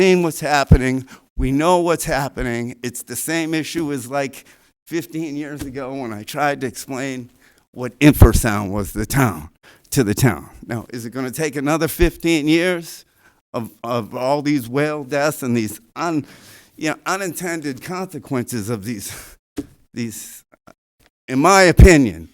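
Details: Adult speaker; normal voice.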